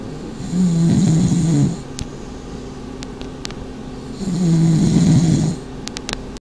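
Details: Two long, loud, rattling snores about three seconds apart with quiet between them, from pugs (flat-faced dogs) in a snoring contest; snoring.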